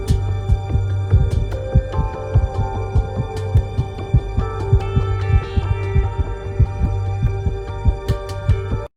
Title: Normal Heart Sound. #ytshorts